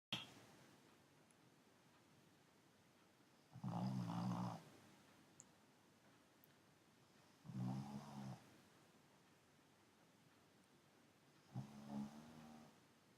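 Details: Pug dog snoring on the sofa: three slow, low rattling snores on breathing in, roughly 16 a minute, in a quiet room; ordinary flat-faced dog snoring.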